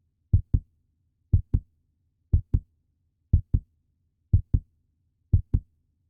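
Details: Puppy heartbeat sound effect: steady paired low thumps at about 60 beats a minute, evenly spaced in a quiet background; normal heartbeat.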